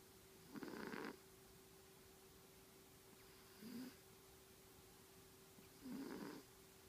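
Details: Soft snorting snores during sleep, three in about seven seconds, over a steady faint hum.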